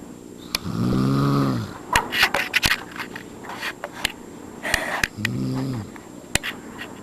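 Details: Adult step-father snoring again while asleep: two rough, vibrating snoring breaths, each about a second long, over room noise and clicks.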